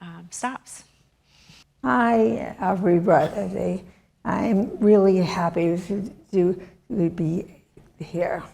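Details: Woman, former professor, with chronic aphasia since a severe stroke in 2010 that disabled her right side and took her speech; she relearned making sounds and saying her name and still cannot speak as before; non-fluent aphasia.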